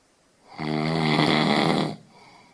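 One loud, rattling, buzzing breath lasting over a second in a quiet room; a typical snore.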